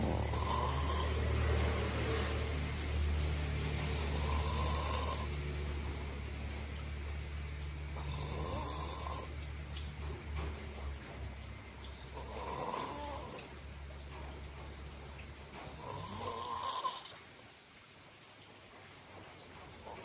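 Loud, regular snores with each breath in, about 15 a minute, over steady room noise: habitual snoring.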